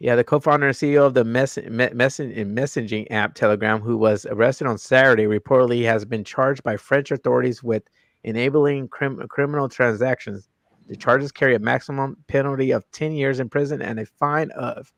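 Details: Adult male host with a self-reported stutter that was very noticeable in his earlier videos and worsens with unfamiliar people or situations; stuttering.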